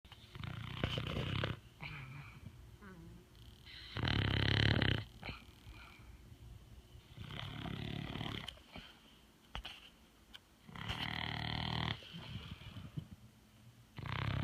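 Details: A 12-year-old pet sleeping and snoring: low, rumbling snores recurring every few seconds over faint room noise.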